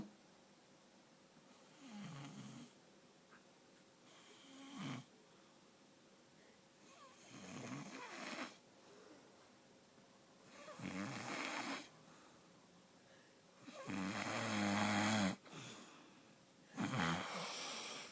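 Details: Irregular snoring, about 20 snores a minute, with rough low rattling on each breath and a faint steady hum in the room.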